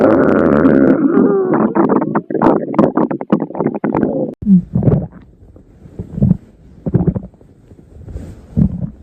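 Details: From a stomach growling compilation: long, low gurgling, rumbling growls from the belly, then shorter bubbling rumbles; ordinary stomach growling (borborygmi).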